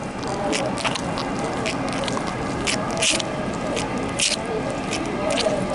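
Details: Knee opened anteriorly with quadriceps tendon and patella raised, moved quickly through flexion and extension while auscultating: soft wet squishing and scraping of synovial fluid movement.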